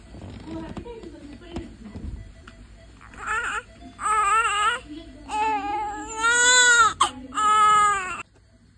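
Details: A newborn baby, said to be hungry, cries after birth: repeated loud, high-pitched crying bursts with soft whimpers between. A normal vigorous cry, with faint talk and music behind.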